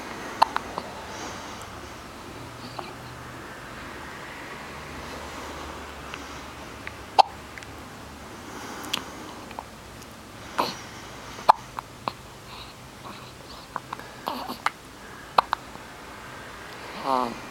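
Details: Brief sharp clicks recurring irregularly, about 14 a minute, over quiet room noise; hiccups.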